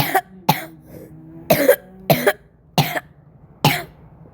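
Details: Person reporting severe cough, six sharp harsh coughs over about four seconds, some in quick pairs with brief catches of breath; cough.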